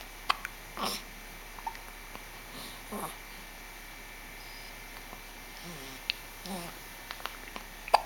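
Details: Pet with hiccups: faint, repeated small hiccup sounds, about six over eight seconds, against room noise.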